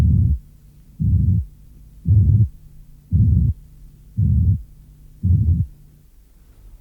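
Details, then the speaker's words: Simulated low-pitched murmur made from a 70–110 Hz frequency band, producing a grave, low-pitched sound. "La bande de 70 à 110 Hz produit un son grave, comme celui-ci."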